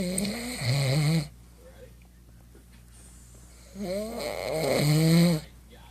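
Loud, rattling, buzzy breaths with quiet pauses between them; snoring.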